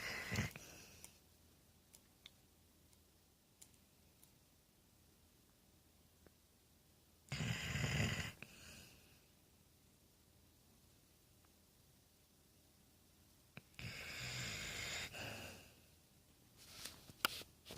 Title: snore monster